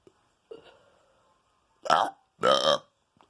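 Two loud, low, gurgling voiced belches in quick succession after a softer throaty sound: burping.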